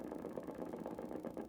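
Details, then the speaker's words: Dense, rapid crackling rumble of many overlapping motor unit discharges as the patient contracts the muscle progressively harder during needle EMG, gain at 500; a normal full recruitment pattern, demonstrated in an EMG course. "go a little stronger looking for more more units to be activated which is or to be recruited activating more and more more units"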